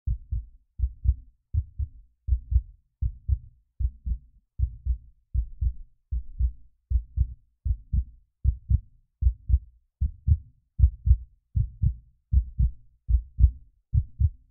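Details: Sound-effect heartbeat: steady low paired thumps, about 77 beats a minute, regular rhythm.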